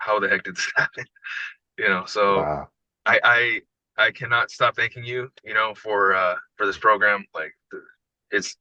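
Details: Adult man with decades-long stuttering that included severe speech blocks, after about 2.5 weeks of daily smooth speech coaching, presented as smoother; stuttering, residual disfluency after fluency coaching.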